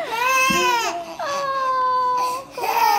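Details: Loud, high-pitched infant crying in sustained wails with brief breath pauses; an ordinary baby cry from a baby girl.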